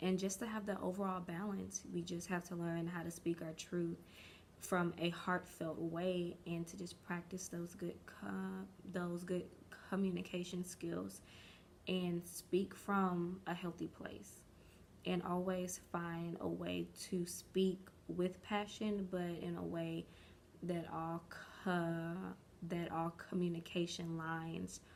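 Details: Stuttering in an adult woman, present since early childhood and which she believes is developmental, with words or syllables dragged out for a long time; she is still working past it as an adult.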